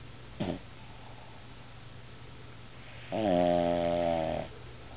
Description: My Lou can't help it if she snores!!!